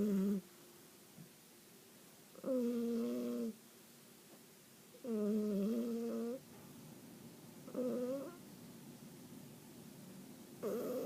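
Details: Sleeping female cat snoring: soft nasal, squeaky snores roughly every 2.5 seconds, about 23 a minute, with quiet gaps between.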